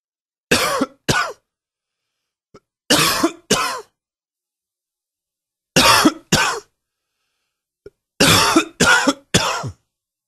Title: Coughing 13